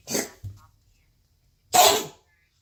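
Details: A dog gives two short, harsh, explosive coughs about one and a half seconds apart, with quiet between them: cough.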